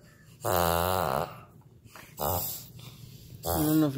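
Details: Three loud, harsh honking snorts from a Shih Tzu, owner later identified as reverse sneezing, a harmless common spasm that resolves on its own.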